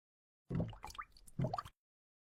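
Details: Two short, low, bubbling gurgles with rising squeaky tones. Ordinary stomach growling (borborygmi).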